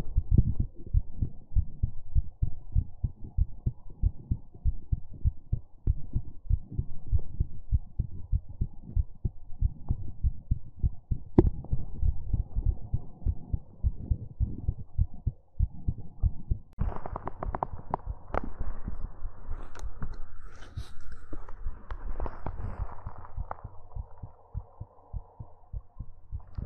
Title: ASMR Heartbeat Sounds and More | Heartbeat ASMR #46